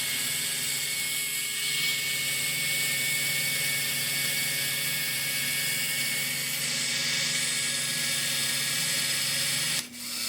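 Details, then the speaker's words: Vintage Emesco 90N dentist dental drill running: steady high-pitched mechanical whine with a low hum, stopping near the end. "Here is an Emesco vintage dental drill. Very interesting device."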